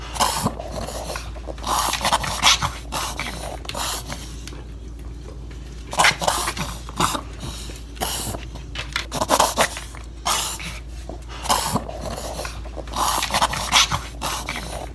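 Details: Dog with repeated rapid, harsh inward snorting inhalations in spasms, attributed to soft palate and throat irritation from wind chapping during over-exertion outdoors in snowy weather: reverse sneezing.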